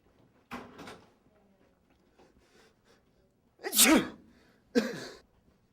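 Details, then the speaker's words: Staged public service skit about how easily sneezes spread germs: several short sneeze bursts with voiced 'achoo'-like sounds; sneezing. "it can all start with a sneeze yo dude what's up man what's up man that sneeze becomes a handshake relief for an itchy face a public display of affection and finally becomes a sneeze yet again"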